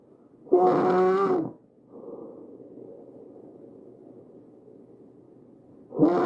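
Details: Tracheal stridor: loud, high-pitched musical crowing on each breath in, with a quieter rushing breath out.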